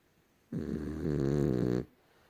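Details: Rescued female French Bulldog, about a year and a half old, napping, gives one loud, drawn-out, rattling snore lasting over a second; snoring.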